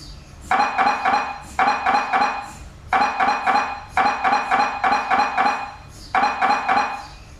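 Loud repeating bursts of rapid metallic knocking tones, grouped in rhythmic sets; typical MRI scanner sequence noise.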